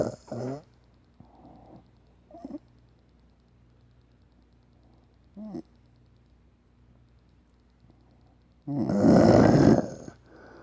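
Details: Snoring: several short snorting breath sounds, then one long, loud rasping snore near the end, over a low room hum.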